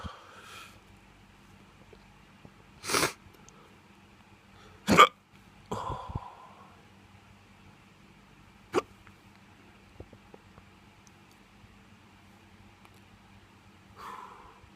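Several abrupt, brief gulping hiccups at irregular intervals in quiet surroundings, with a few soft vocal sounds.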